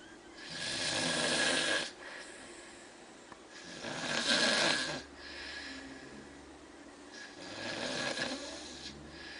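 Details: A person snores while taking a quiet nap, with a loud, rough, rattling noise on each breath in, about three over nine seconds, and quieter breathing between them: snoring.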